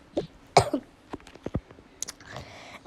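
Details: Girl who is ill with a very high fever, caught at school, gives a few short cough bursts amid room noise and movement while playing a game; cough.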